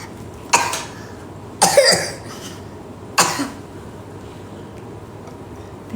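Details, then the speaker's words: Young child coughing at night: three separate short, harsh coughs spaced over a few seconds in a quiet room, later followed by vomiting. "Kau orang tak kesianahkan anak I batuk nampak tu."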